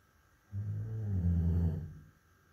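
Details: Sleeping Labrador Retriever, a normal-muzzled dog: a single low, rumbling snore from vibration of the soft tissues of the mouth and throat.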